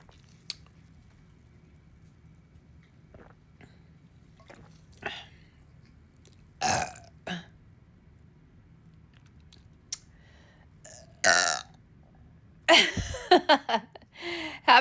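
Several loud, drawn-out belches between quiet gaps, with brief laughter near the end; voluntary burping.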